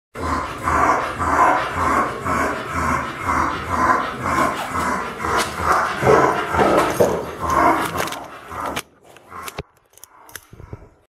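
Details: Loud, harsh, rasping noise with each rapid breath from a bulldog: severe upper airway stridor due to the soft palate.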